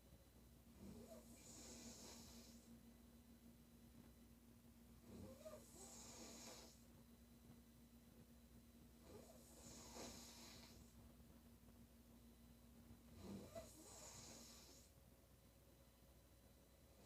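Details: Female loud rattling snoring on each breath in, about 16 a minute, over a steady background hum.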